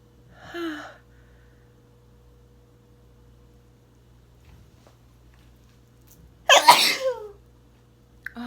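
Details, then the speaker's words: Deliberately induced sneeze: a short breathy burst early on, then one loud explosive sneeze with a vocal tail; a normal sneeze. "Okay, baby. I want to sneeze for you so bad. It tickles."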